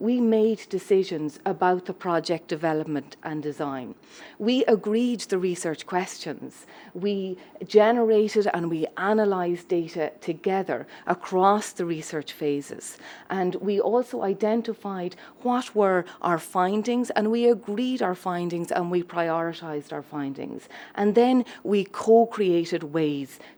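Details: Adult woman speaking; normal speech.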